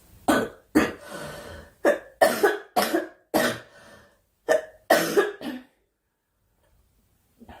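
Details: Young woman, apparently unwell, coughing in a run of about nine short, sharp coughs in quick clusters followed by quiet; repeated coughing.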